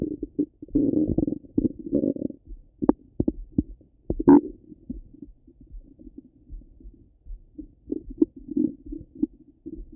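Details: Active bowel sounds from the abdomen: irregular gurgles, bubbling and low rumbles in bursts with short gaps.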